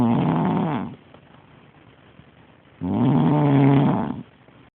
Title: Snoring Lady